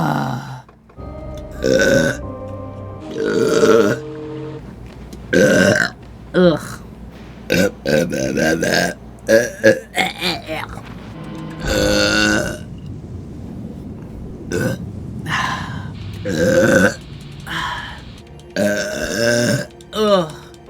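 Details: Series of long, loud, voiced belches with groans between them and apologies afterward; repeated burping.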